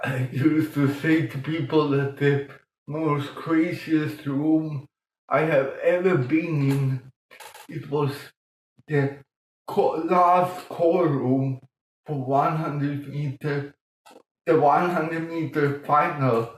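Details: Adult man born 1958 with mild cerebral palsy from lack of oxygen at birth; childhood speech problems later eased by music-aided breathing changes; dysarthria in cerebral palsy.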